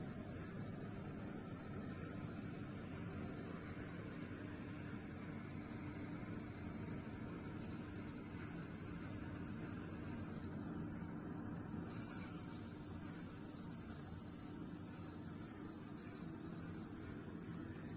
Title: The Usage Scenario Of the Extraoral Dental Suction System